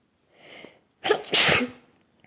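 A soft indrawn breath, then a sharp double burst of air; a single sneeze.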